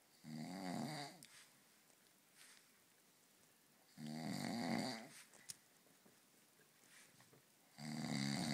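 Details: Person snoring heavily after several beers: loud, rattling snores about every four seconds, roughly 16 a minute, with quiet pauses between.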